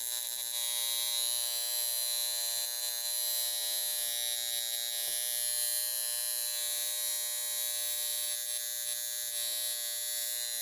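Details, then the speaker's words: High frequency facial device on a higher-than-usual setting, tapped around individual pimples to pinpoint them; steady high-pitched electric buzz with faint crackle. "I put this one on like higher than usual because, you know, it's just pinpointing them. It's like getting them individually. And you just kind of tap it around."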